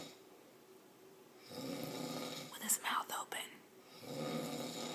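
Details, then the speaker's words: Adult man asleep sitting on a couch at 6:55 p.m., mouth open, described as a bad, loud snorer: loud, rough, rattling snore breaths with a brief whisper nearby; snoring. ""6:55 p.m. and he's sitting on the couch, snoring loud."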